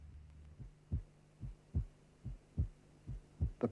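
Simulated heartbeat at about 72 per minute, each beat a low, longer first sound followed by a briefer, higher second sound: normal first and second heart sounds.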